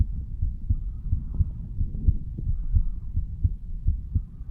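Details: 35-year-old male standing up, heartbeat recorded over the mitral (bicuspid) valve area: regular low double thumps at roughly 80–90 a minute over a muffled rumbling background; normal heart sounds.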